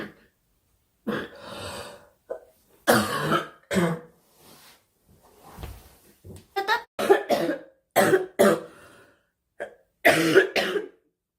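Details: Girl coughing: repeated loose coughs with throat clearing and breaths between them, about ten bursts.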